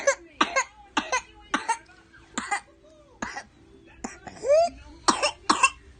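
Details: 19-month-old toddler with whooping cough (pertussis), recognised by a pediatrician, about 4 weeks to diagnosis: a run of about ten harsh choking coughs with a brief high-pitched intake, little whoop.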